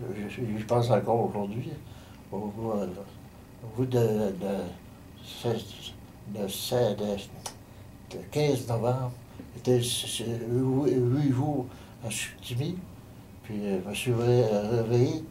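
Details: Aphasia in a man following a stroke on 15 November 2009; he could not speak at all at first.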